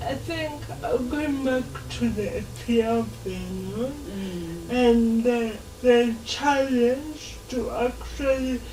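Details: Dysarthria in a 26-year-old woman with lifelong cerebral palsy; her speech makes her hard to understand.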